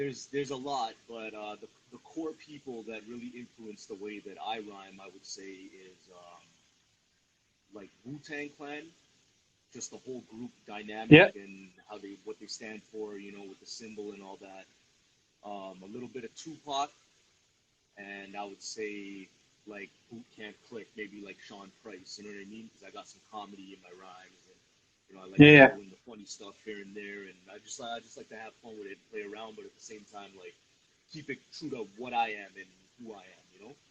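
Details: Adult male speaker; normal conversational speech.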